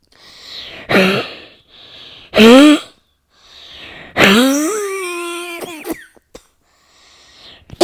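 Several loud cough bursts with voiced whooping inhalations between them, a run of harsh coughs in a small room; a coughing fit.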